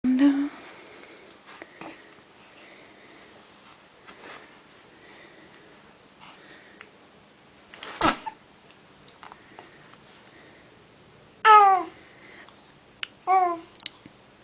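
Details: A single sharp sneeze from a pet just before its bath, followed by two short meow-like calls in a quiet room.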